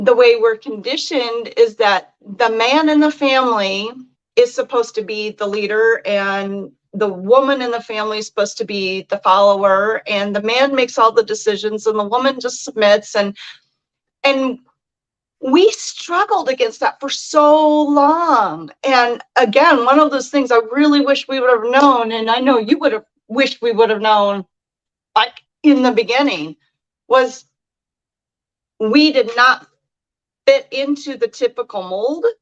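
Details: Adult speaker; normal speech.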